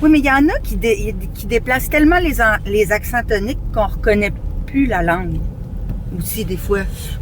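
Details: Adult speaker; normal speech.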